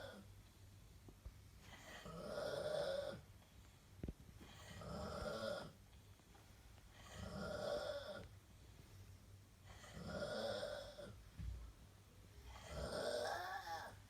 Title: Demonic Snoring